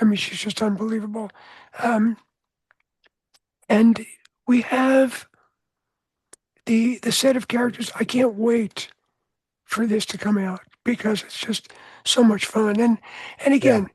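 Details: Adult man with voice change after throat cancer treated with surgery, radiation and two years of experimental chemotherapy; no recurrence since.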